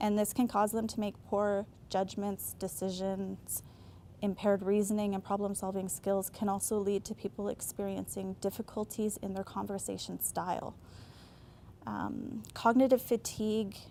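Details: Adult woman speaking; normal speech.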